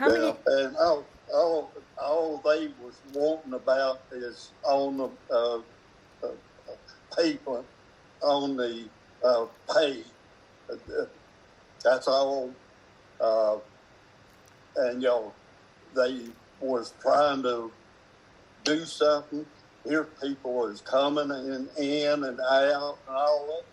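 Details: Man with aphasia who is a former attorney; aphasia.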